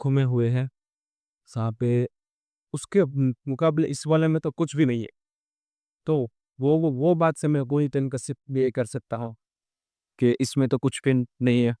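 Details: Real stammering (stuttering) in a male vlogger on day 27 of his stammering-control journey, using pausing and pacing techniques while speaking live on a ferry; a background-noise-removal filter altered his voice.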